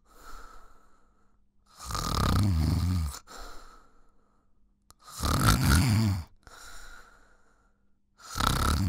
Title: 1 Hour Snoring Sound - Relax, Fitness, Workout, Background Music